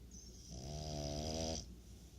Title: Appleboo -French Bulldog Snores